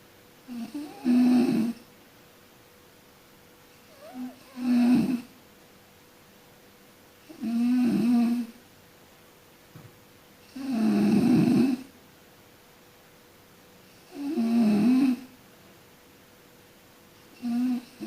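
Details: Sleeping person snoring: loud rattling snores on each breath in, about 18 a minute, separated by quiet pauses; ordinary snoring during sleep.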